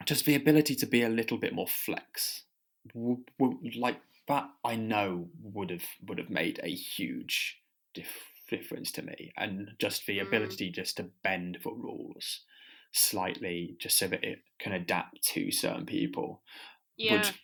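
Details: Person who stammers, speaking as a podcast co-host with audible repetitions; stammering.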